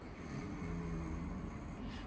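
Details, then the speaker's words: Steady, low rattling snore made on request during flexible endoscopy in an adult with moderate obstructive sleep apnea (sleep test score 27); vibration arises at the soft palate, with the tongue base open. "Bir daha yap yapın bir daha yapın çekin bakayım horlar gibi yapın lütfen B kürtür müsünüz kendinizi Tamam bir daha horlar gibi"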